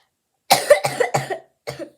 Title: Telling you guys what happened/lots of coughing we were ￼